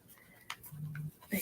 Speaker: Kitty is snoring so okay my dear